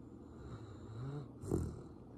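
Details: Sleeping dog: a low, rumbling breath ending in a brief snort; snoring.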